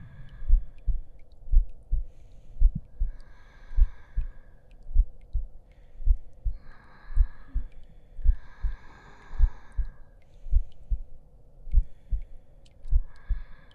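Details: Heartbeat track in an ASMR roleplay audio: steady soft low thumps, about 55 a minute, with faint breathy whispering and background hum.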